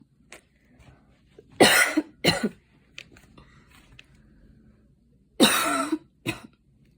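An adult gives two pairs of harsh, forceful coughs, four in all, after exercise, with quiet breathing between.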